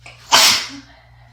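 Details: Congested, sick-sounding sneeze in winter from someone with asthma and a recent wet, chesty cough: a single sharp, forceful, hissing sneeze after a brief inhalation, fading quickly.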